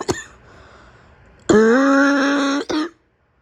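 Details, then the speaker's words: Simulated roleplay by an adult woman playing a sick girlfriend whose cough gets out of control into barking: a brief catch, a long strained voiced throat sound and a short cough; acted cough. "You like it when my cough gets out of control and I start barking."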